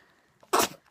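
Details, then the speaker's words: A dog sneezing repeatedly, its owner asking why it keeps sneezing: a single short, sharp, snort-like nasal sneeze over quiet room noise. "what is wrong what is wrong hey why'd you keep sneezing"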